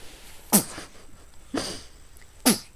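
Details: 1½-week-old baby boy sneezing: three sharp, noisy bursts about a second apart, each a quick sneeze with a brief voiced tail; a run of three sneezes.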